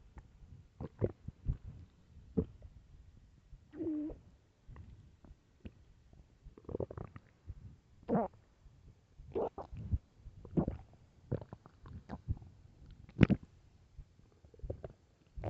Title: LOUD starving stomach growls (headphones) part 3